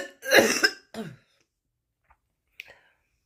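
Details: Woman smoker's first cigarette on waking, says her lungs feel obstructed, has smoker's voice: two harsh, rough coughs with a throat-clearing quality, then quiet; morning smoker's cough.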